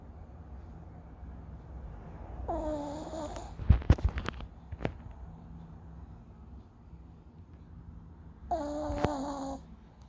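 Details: Snoring: two buzzing, rattling snores on inhalation about six seconds apart, with a few clicks between them in a quiet room.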